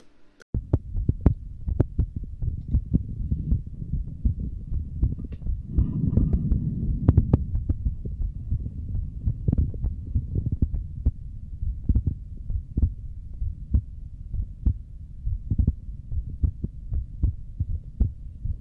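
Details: A streamer's own heartbeat picked up by a microphone during an ASMR stream, steady and regular low thumps over a faint hum; the streamer says it is beating hard, with two normal beats then two very hard ones; a normal heartbeat.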